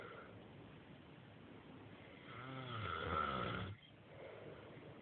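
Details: Single low rattling snore on the in-breath, rising then cutting off, in a quiet room; a person snoring while asleep, reportedly only when tired.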